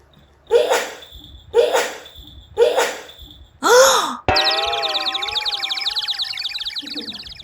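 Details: Three sharp, explosive sneeze-like bursts about a second apart, then a brief high-pitched squeal and sustained ringing tone; the sneeze made a baby laugh out loud.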